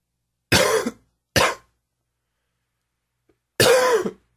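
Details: Smoker whose coughing is worsened by humid weather and heavy smoking: three harsh, rough coughs, two close together and one after a pause, in a quiet room; cough.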